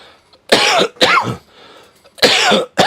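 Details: Cough from a streamer while smoking "trees": three harsh, loud cough bursts close together, with a quieter breath between.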